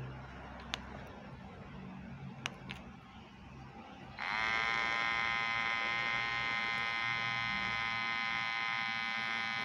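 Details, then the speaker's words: Omron HEM-6161 wrist blood pressure monitor: a few faint clicks, then a steady motor whine as the cuff inflates in one continuous rise, measuring during inflation without averaging three readings; earlier reading 158/90. "jadi pengecekkannya dengan menggunakan tensimeter ini lebih cepat karena dia hanya sekali naik langsung diukur"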